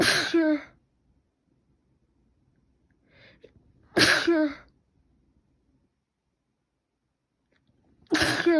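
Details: Sneezing, possibly from a cold or allergy: three sharp, explosive sneezes a few seconds apart with a faint sniff, ongoing since last night with an itchy, runny nose.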